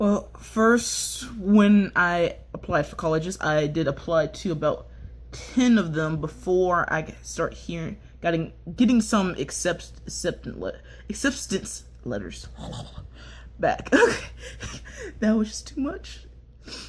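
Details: Stuttering, self-described by the male speaker as mild.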